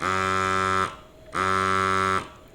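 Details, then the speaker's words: Two steady buzzing motor cycles, each under a second with a brief gap, from a Medela Freestyle Flex electric breast pump after it shifts automatically from massage to expression mode; rhythmic pump motor. "Okay, tanggalin ko muna siya para mas marinig yung motor. Yan yung motor. Okay, so yan yung tunog ng Medela Freestyle Flex."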